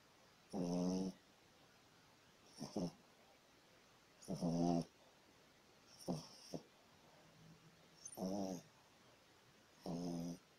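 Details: Slash, a sleeping dog, snoring: rhythmic low, fluttering rattles on each breath, about 16 a minute, over quiet room noise.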